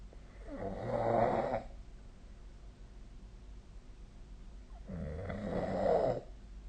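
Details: Sleep snoring recording: two loud, rattling snores on the in-breath about 4 seconds apart, with quiet breathing between; snoring.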